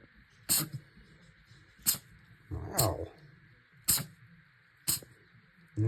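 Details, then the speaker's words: Pet opossum having a sneezing fit; owner thinks something is stuck up his nose: repeated sneezing. "Percy. I think he's got something stuck up his nose."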